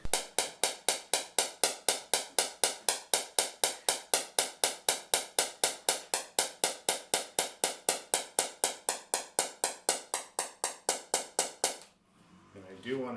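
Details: Shockwave therapy machine treating the bottom of the foot for suspected inflammation: sharp, evenly spaced clicks at about 240 a minute for twelve seconds.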